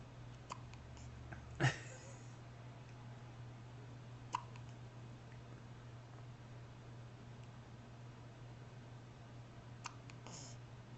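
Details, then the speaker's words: Newborn baby's hiccups, lasting about 5 minutes, recorded July 6, 2009 on a Flip Video camcorder; a few brief, sharp catches of breath several seconds apart against room hum. "Hiccups are all gone. The cuteness is gone. Well, no, cuteness isn't gone, but the hiccups are."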